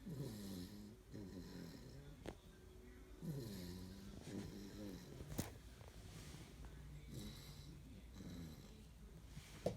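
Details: Sleeping Labrador dog snoring: repeated nasal, whistling snores with soft snorts, about one every two seconds.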